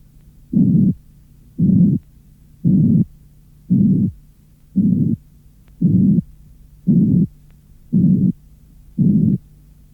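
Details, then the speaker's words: Synthetic noise band of 140–220 Hz imitating a harsh or medium-pitched aortic or pulmonary ejection murmur. "Si l’on prend une bande de 140 à 220 Hz, on obtient un bruit qui imite un souffle d’éjection aortique ou pulmonaire, que l’on peut décrire comme un souffle rude ou de tonalité moyenne."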